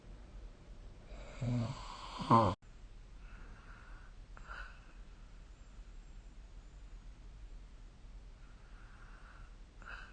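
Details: Snoring during sleep, recorded with the SnoreLab snoring-recording app.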